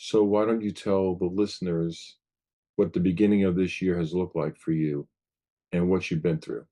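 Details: Adult male speaker; typical speech.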